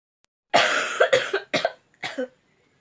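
One long harsh burst followed by three shorter cough-like bursts; a sneeze cannot be clearly told apart from the coughs.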